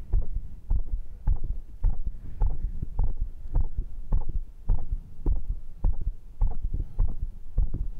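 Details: Heartbeat recorded with a microphone on an adult's chest right after bodyweight workout rounds (dips, abs, curls), with the rate reported at 122 then dropping to 99: strong, regular low thumps of a normal fast post-exercise heartbeat.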